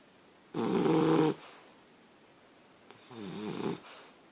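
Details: Snoring: two loud, rattling breaths, one in and one out, with a coarse fluttering quality.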